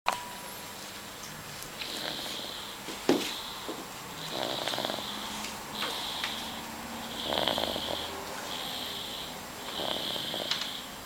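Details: Little baby asleep: about six soft, hissing, whistly breath noises at a steady pace of roughly 35 a minute in a quiet room; light snoring.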